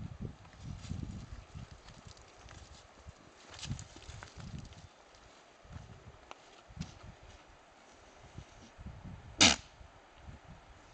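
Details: Kiko buck goat, about one and a half years old, sneezing while eating poison oak.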